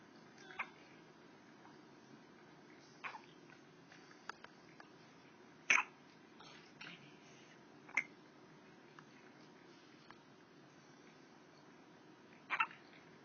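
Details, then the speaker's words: A 3-week-old female pet with hiccups: about five brief, sharp hic sounds over thirteen seconds in a quiet room, followed by a big yawn as she gets sleepy. "Do you have the hiccups? Do you have the hiccups?"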